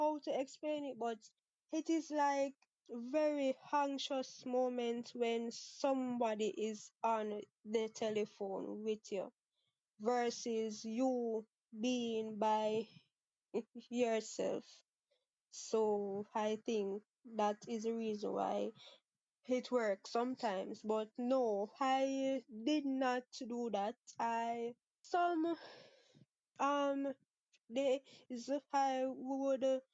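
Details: 23-year-old Jamaican woman who has stuttered since about age six, with father and sister who also stutter, never had speech therapy; part-word and whole-word repetitions audible; stuttering.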